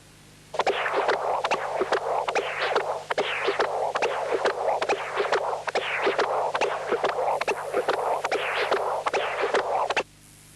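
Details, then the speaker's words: CW Doppler of a Starr-Edwards mitral prosthesis during supine bicycle exercise, heart rate rising from 62 to 90/min: rapid rhythmic whooshing flow, intermittently lost due to increased respiration; mean gradient rose from 4 to 7 mmHg. "this is a continuous wave examination from the same patient with the star Edwards Mito prosthesis supim bicycle EX exercise was used and the heart rate increased from 62 to 90 per minute in real time you will notice that Spectra are intermittently lost due to increased"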